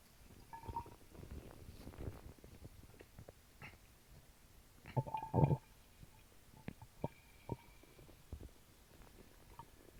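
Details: Adult's stomach recorded while drinking a small can of Sprite: irregular gurgles, pops and low rumbles as the soda fizzes down; active bowel sounds (borborygmi).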